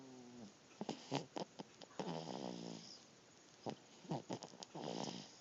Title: snoring